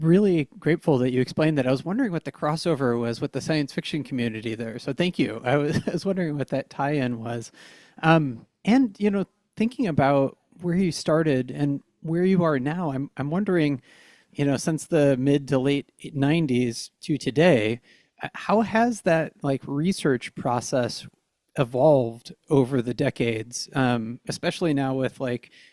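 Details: Adult speaker; normal speech.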